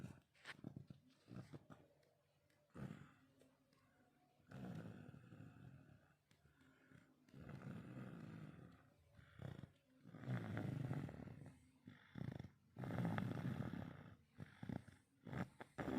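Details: Rough, low rattling snores repeating irregularly from a child sleeping, tired after helping her father paint the house.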